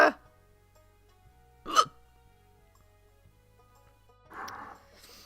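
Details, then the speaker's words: An adult gets hiccups while reading aloud during a live stream, with watering eyes and a sore stomach; hiccups. "Oh, crap. This is not a good time to be getting hiccups. You guys, what am I gonna do? I can't read with hiccups."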